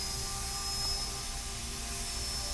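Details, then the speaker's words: Continuous high-pitched whine with airy hiss from a high-speed dental handpiece (about 400,000 rpm) run about 10 seconds with cleaner spray into gauze during maintenance; handpiece running. "about 10 seconds or so with that cleaner and I'm running the pampies with that cleaner I'm running it and spraying in some gauze so anything that comes out the handpiece catches in the gauze and doesn't go under the air"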